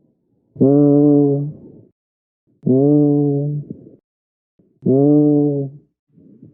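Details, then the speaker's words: Egophony on chest auscultation with a stethoscope over a suspected consolidation area: patient's spoken "e" heard as a nasal, bleating "a" like a goat, three sustained voiced sounds. "this sound is elicited by asking the patient to say the letter e as one listens over the suspicious area with the stethoscope when consolidation is present the spoken e sound is audible as an a sound similar to that produced by a bleeding goat"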